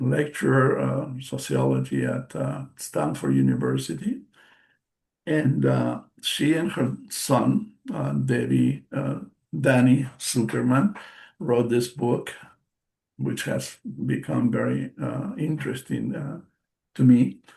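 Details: Aphasia after a stroke in March 2020 in an adult male bilingual speaker.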